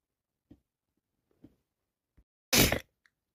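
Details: Person with bad allergies who is constantly sneezing: three soft catching breaths build up, then one loud, explosive sneeze.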